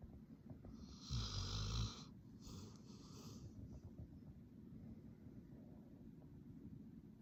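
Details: Sleeping black Labrador dog snoring loudly: one strong, rough snore then softer ones in a quiet room.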